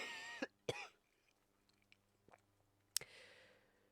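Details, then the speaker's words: Sick student with doctor-diagnosed pneumonia, raspiness heard in the right lung, back pain: a few sharp, harsh coughs with throat clearing in a quiet room. "go to lunch still i'm hacking up stuff in my coughs"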